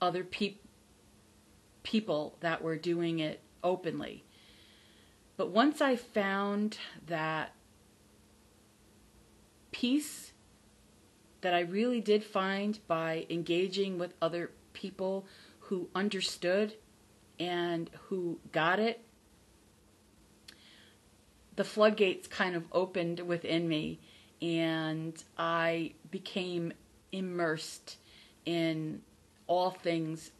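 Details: Adult woman who stutters, not recovered from stuttering but from the fear of it; says her stutter is audible on careful listening; stuttering.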